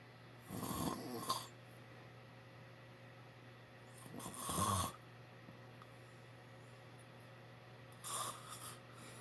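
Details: Adult man snoring loudly: three loud, rough snores at uneven gaps, about 17 a minute, over a steady room hum.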